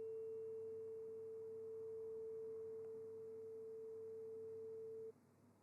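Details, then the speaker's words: A tuning fork tone in an acted ASMR ear exam and hearing test, where the listener says start and stop: a steady pure tone about five seconds long, then quiet. "All you need to do is to tell me when you start hearing the tuning fork and when you can no longer hear the tuning fork."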